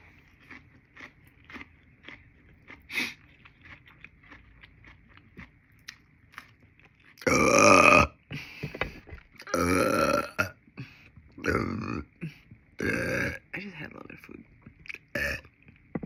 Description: Bites of braised tofu on rice. Lettuce of course and ginger ale burps.